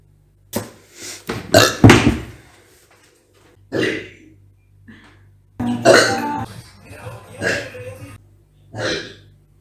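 Several loud, rumbling belches separated by pauses, about eight bursts in ten seconds; repeated burping.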